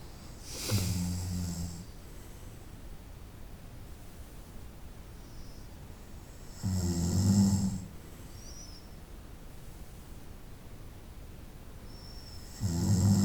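Loud, low rattling snores on each breath in, about 10 a minute, with quiet pauses between; typical sleep snoring.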